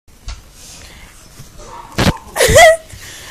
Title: SNEEZE